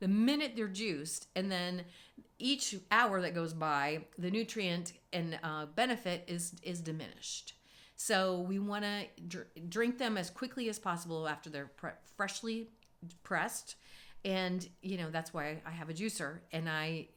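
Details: Adult woman speaking; normal adult female voice.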